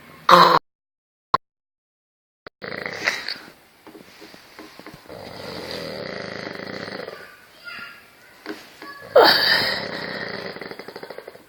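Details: Loud, rough, fluttering snoring breaths with rattling pulses and a few sharp bursts in a small room, from a sleeper; snoring.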